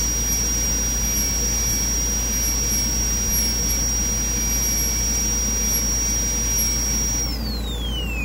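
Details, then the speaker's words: Steady high-pitched whine of a dental high-speed drill with a coarse diamond bur over low background hum, pitch dropping at the end, during anterior endodontic access prep on tooth #8 for a dental board exam demonstration. "so I'm going to just use the uh coarse Diamond bird and those Z bir is always safer but the diameter is kind of big so you need to be careful"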